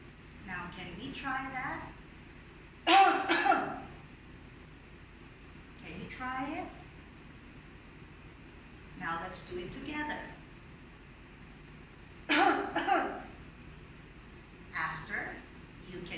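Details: An adult gives a few deliberate, voiced coughs, demonstrating coughing into the inner elbow; acted cough.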